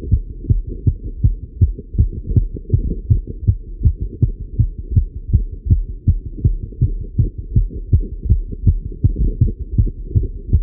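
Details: Male heartbeat recorded while riding a bike: steady, rapid low thumps at about 160 a minute, a fast but normal rhythm during exercise.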